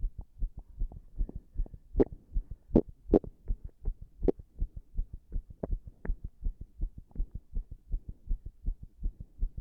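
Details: Irregular heartbeat recorded after an all-nighter while standing pressed against a wall: fast beats, unevenly spaced, with some louder beats.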